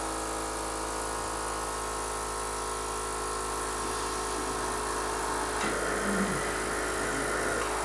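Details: Cough assist (mechanical insufflation-exsufflation) used at home for a man with ALS: steady mechanical motor hum with a shift near the end as it pushes air in and pulls it out to clear secretions.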